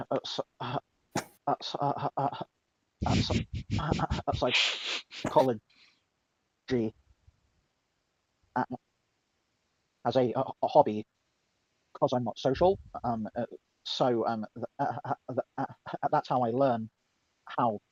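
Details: Stuttering in a female speaker who reports being mocked for her stutter; described by others as a speech impediment.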